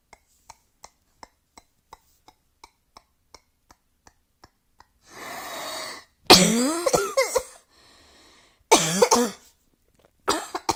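Faint regular ticking, then a breath in and several harsh, forceful coughs in bursts with throat-clearing quality, recorded indoors.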